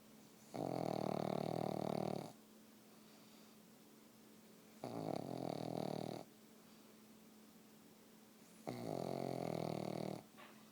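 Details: Pug sleeping on the couch: three long, loud rattling snores about every four seconds, with quiet pauses between; dog snoring.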